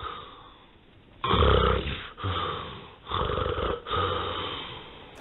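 Loud rattling snores in a cluster of four after a quiet stretch, the bursts of snoring that follow breathing pauses in sleep apnea.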